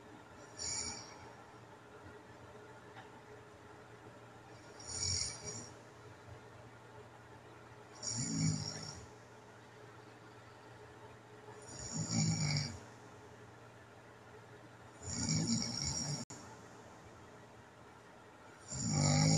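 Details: Home recording of an adult with sleep apnea: loud, rhythmic, low-rumbling snores about 17 a minute during sleep with apnea and hypopnea events; snoring with obstructive sleep apnea.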